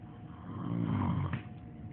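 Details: Heavy snoring: a single deep, low, rattling snore on a breath in.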